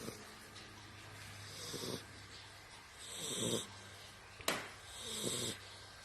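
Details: An 11-week-old male blue tri American Pocket Bully puppy asleep: rough, rattling snores on each breath, about 33 a minute, with a brief snort.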